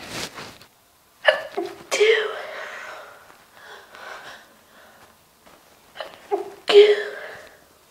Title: Induced Sneezes2 ( With Hankey Blow)